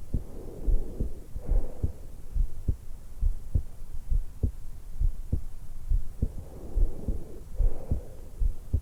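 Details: A 20-year-old woman lies on her back in bed just after waking, with a stethoscope microphone at the notch at the base of her throat: steady, regular heartbeat at about 70 a minute with slow, soft breaths, normal resting heart and breath sounds.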